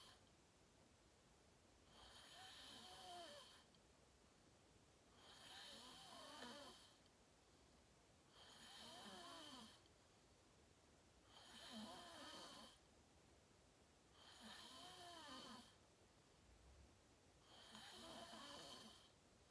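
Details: Loud, regular snores on each inhalation, about 19 per minute, quiet pauses between; person filming themselves sleeping, fell asleep fast around 8:45, described as deep REM sleep; sleep apnea tagged.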